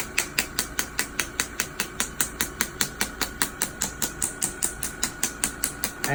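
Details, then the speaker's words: Rapid, evenly spaced sharp clicking pulses, about five a second, over a steady machine hum as energy is raised: shockwave therapy device with small head firing on a young man's Achilles tendonitis, after prior PRP injection. "so now we're just gonna go up on the energy for the shocks now are gonna be a little bit stronger"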